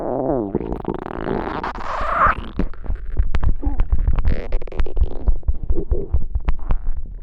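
Loud, long rumbling growl with gurgles and squeaky bubbling: stomach growling from hunger.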